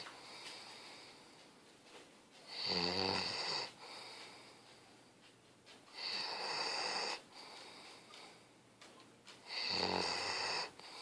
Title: Sei Tu snoring